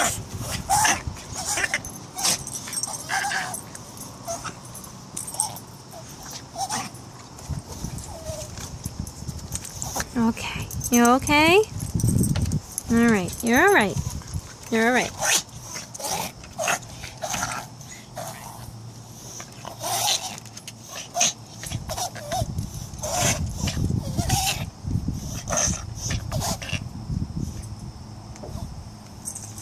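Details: Reverse sneeze in a small dog: rapid, repeated snorting intakes of breath with brief whimpers.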